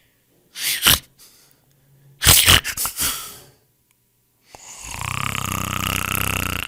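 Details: Loud harsh snorts and rattling snores, then a long buzzing vibrating snore; adult snoring from a sound-effect collection.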